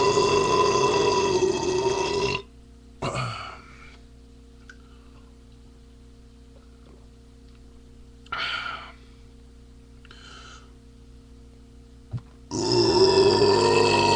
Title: Mostly burps..., one fart.